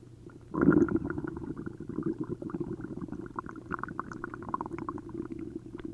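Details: Upset stomach after drinking a liter of milk and a liter of prune juice: continuous loud gurgling and bubbling of liquid through the bowel, frequent and busy, giving hyperactive bowel sounds (borborygmi).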